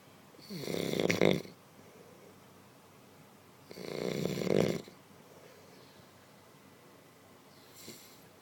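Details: Man snoring in sleep without waking, stated to be genuine, not fake: two loud, rattling snores on breathing in, about three seconds apart, with quiet breathing out between them.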